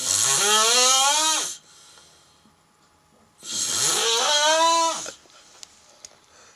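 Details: A sleeping cat giving two long, loud, wheezy snores, each about a second and a half long, separated by quiet pauses.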